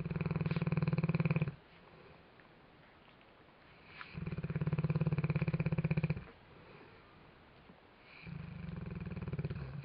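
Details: Deep, rattling snores in a steady rhythm at about 15 breaths a minute, with quiet exhalations between; ordinary loud snoring during sleep.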